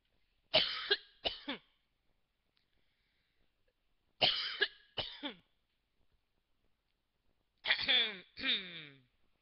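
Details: A person gives three short pairs of forced, throaty coughs, deliberately faked rather than a true reflex cough; voluntary (fake) cough.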